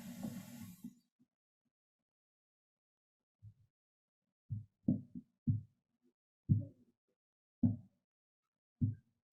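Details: Korotkoff sounds from a short teaching clip of blood pressure measurement by the auscultatory method, with the cuff pumped up and the pressure gauge shown.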